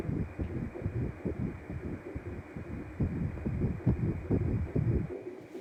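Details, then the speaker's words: Rapid, rhythmic whooshing pulses of a fetal heartbeat on ultrasound Doppler at 7 weeks of an IVF pregnancy while the mother holds her breath; the embryo measures 1.2 cm and the heart beats well. "네 , 이것 이 바로 심장 박동 소리 입니다 . 예 . 심장 이 잘 뛰고 있어 요 . 아주 잘 치고 있어 요 ."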